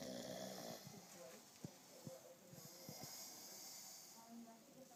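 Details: A person asleep in a bunk bed snoring softly and irregularly, with snorting breaths over quiet room noise; ordinary snoring during sleep.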